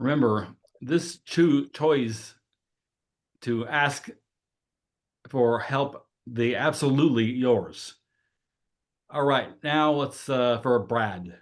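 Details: Adult woman who has lived with aphasia for at least 20 years; aphasia.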